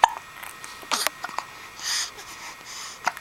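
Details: A girl who gets hiccups daily, even hourly, handles them with a good attitude; brief sharp catches in the breath recur a few times in a quiet room: hiccups.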